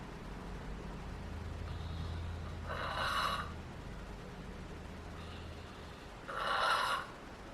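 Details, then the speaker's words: Unconscious hospice woman who died a few hours later, actively dying: slow, noisy breaths with a wet, gurgling rattle on each breath, terminal secretions (death rattle) from fluid she is too weak to cough up. "So what you're seeing here is the obvious change in normal breathing, and what you'll hear is referred to in hospice as terminal secretions, more commonly known as the death rattle. That is to say, small amounts of fluids may build up in the airways because the patient is too weak to cough and clear them."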